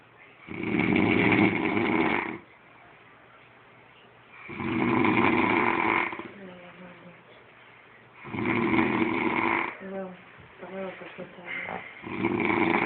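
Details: Loud, rough, horse-like snores about every four seconds, each a long drawn-in rattle followed by a quieter breathy out-breath; heavy snoring during sleep.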